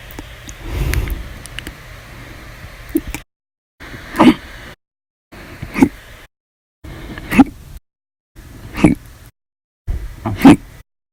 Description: The Violent, Bad Loud, Silent, Minute Hiccups lasted 13 Hours and 32 Minutes for after eating Breakfast, Lunch, and drinking 1 cup of soda after Dinner on 8/8/19.